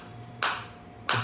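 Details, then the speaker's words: Focused shockwave therapy device demonstrated on the operator's own body, not on a joint as he has no injury, at intensity 8: two sharp snapping clicks about two-thirds of a second apart; shockwave pulses. "तो इस तरीके से आप देख सकते हैं। ये shock आ रहे हैं। अभी एट इंटेंसिटी है।"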